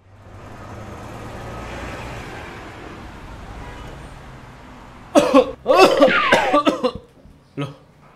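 After several seconds of low road noise, a short run of harsh acted coughs, then one more cough.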